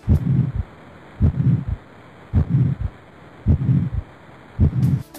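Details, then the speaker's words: Heart auscultation from a physical-examination class: a regular heartbeat near 53 a minute, with a low blowing whoosh after each first sound, before the second; a heart murmur. "já os dois principais defeitos que originam sopros diastólicos são estenose mitral insuficiência aórtica"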